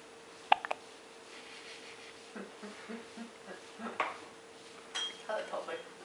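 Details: One-month-old baby with hiccups: brief abrupt hiccup sounds, a couple close together then another, with soft voiced sounds between in a quiet room.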